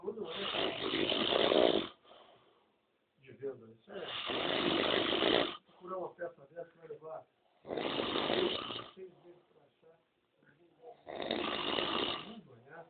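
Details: Father filmed snoring while asleep: loud, rough snores on each in-breath, about four in 13 seconds, with television talk between them.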